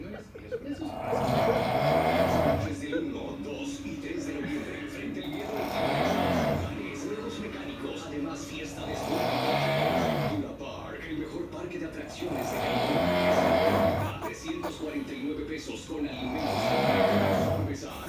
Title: TAKING SNORING TO A WHOLE NEW LEVEL!!